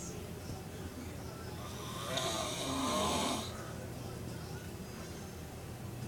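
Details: Loud snoring in a man: a single loud, rough snore over steady room noise.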